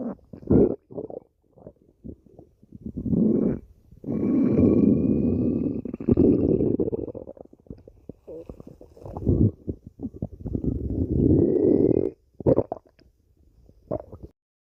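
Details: Stomach growling (borborygmi): long rumbling gurgles with brief squeaky tones between short bubbling pops.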